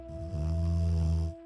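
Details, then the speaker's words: Dog resting behind the owner snores, a single low, fluttering snore lasting about a second over a faint steady hum: snoring. ">> I don't know if you can hear that, but the dog is snoring."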